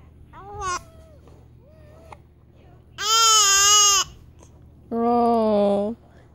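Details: Infant angrily crying over her hiccups: a couple of short fussy squeaks, then two strong, sustained wails of about a second each.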